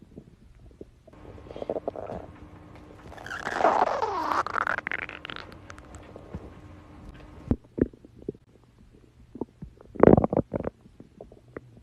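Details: Girl's stomach growling: a long rising and falling gurgling growl, then shorter bubbly pops and squelches; ordinary borborygmi.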